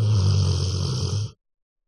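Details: A loud, low, rumbling snore lasting over a second, then silence; snoring.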